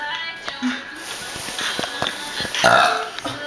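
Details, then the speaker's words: Loud, drawn-out belches during a burping contest between two people, over background music and chatter; ordinary burping. "Okay, we're going to have a burping contest now. Me with you."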